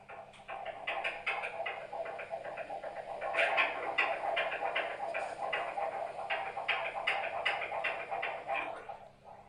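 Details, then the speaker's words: Fetal heartbeat of a baby boy at a maternity appointment, recorded in the background on a voice recorder: rapid whooshing pulses at about 150 a minute via Doppler monitor. "that is the sound of my son's beating heart that i captured just mindlessly in the background of an appointment"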